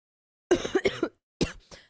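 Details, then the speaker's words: Person who is sick and has been coughing a lot all day, unable to sleep for coughing: a short run of three or four coughs, then one or two more after a brief pause. "As you can hear I'm still sick. Been coughing coughing coughing quite a lot today."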